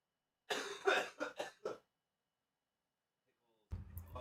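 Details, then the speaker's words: Four quick coughs in a short run from an adult, then a brief throat-clearing after a pause; the speaker talks over the coughing and yakking: cough. "I'm gonna talk over the coughing for y'all, just so y'all don't have to hear the coughing and yakking."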